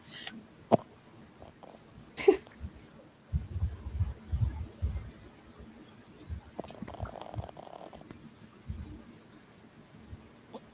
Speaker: He's got a snore. Can you hear him? It snores really bad.